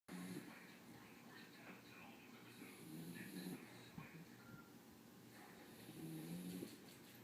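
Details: Low, rough snoring breaths recur against steady room noise with faint background voices: snoring.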